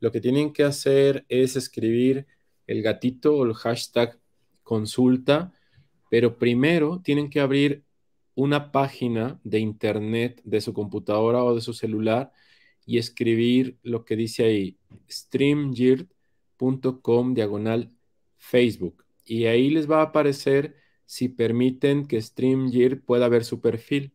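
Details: Adult male speaker; normal voice.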